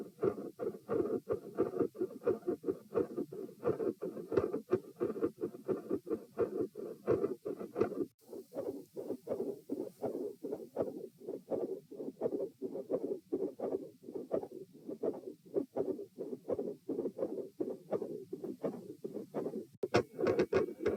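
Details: Heart sounds recorded at position P with the subject sitting, from a same-subject comparison study: fixed splitting of the second heart sound with extra sounds and clicks.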